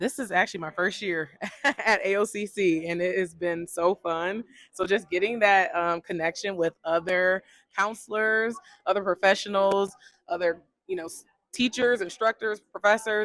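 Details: Adult woman speaking; normal voice.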